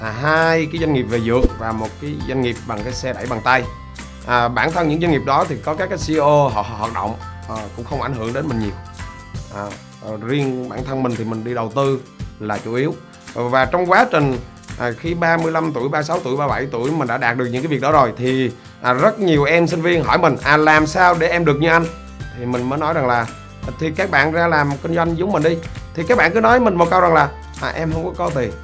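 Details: Stuttering in an adult male who says he stutters.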